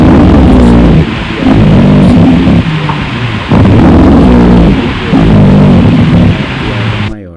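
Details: Chest auscultation teaching recording: low-pitched, rumbling, snoring-like continuous sounds rising and falling with each breath over several cycles; rhonchi, an adventitious sound.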